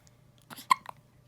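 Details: A newborn aged one day to one week gives a single abrupt, sharp hiccup against a quiet background, one of many hiccups; newborn hiccups.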